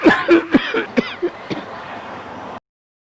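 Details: Simulated cough in an ayurvedic cough syrup advertisement: an acted run of about six short, dry coughs from a child, then quiet room noise.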